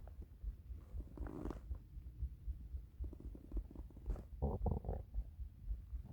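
Low gurgling rumbles with bubbly bursts from the belly; ordinary hunger bowel sounds.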